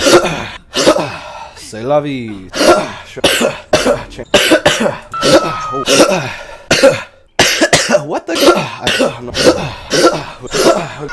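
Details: Person who says they have COVID: a rapid string of loud coughs and throat-clearing bursts mixed with short voiced sounds, indoors.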